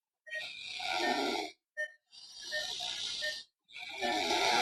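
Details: Adult male with snoring and mostly obstructive sleep apnea, recorded during drug-induced sleep endoscopy (DISE); snoring sound during the procedure.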